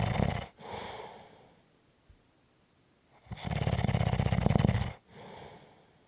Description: This is a 5 1/2 minute clip of snoring.